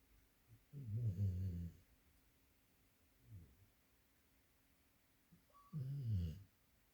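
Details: Springer Spaniel asleep, blinking and twitching, perhaps dreaming: two loud, low, rattling snores about five seconds apart with a faint one between, in a quiet room; snoring.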